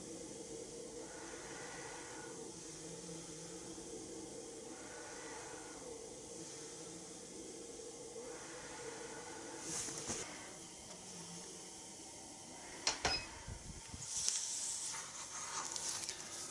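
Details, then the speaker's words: Philips Respironics Pico nasal CPAP mask tested at 12 cm water pressure: soft continuous hiss of pressurized air with faint slow breathing swells; CPAP airflow through nasal mask. "I'm going to be testing this at 12 centimeters of water pressure."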